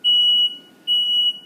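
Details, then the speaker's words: Older Cardinal/CareFusion T-Bird series (Vela) ventilator pre-use check, alarm test after switch test: two loud, steady high-pitched alarm tones with a short gap; alarm works normally. "and all of them do work okay now switch test off alarm test"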